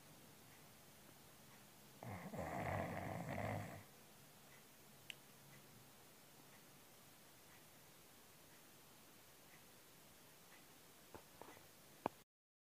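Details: Sleeping cat: one loud, rough, deep human-like snore of about two seconds, then quiet room noise with faint clicks; snoring.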